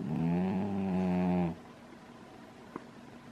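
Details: Lambert, called "good boy", lies in a crystal bowl with his head upside down, snoring loudly: one loud, rattling snore on the in-breath, then quiet breathing.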